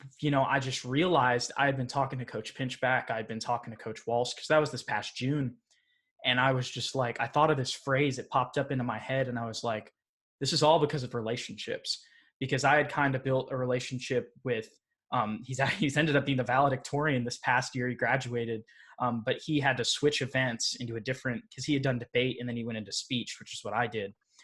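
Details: Adult male speaker; ordinary speech.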